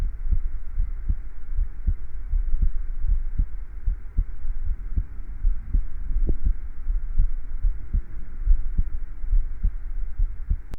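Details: Person's own heartbeat recording: steady, regular rhythm at about 75 beats a minute, with clear paired thumps over a low hum; normal heart sounds.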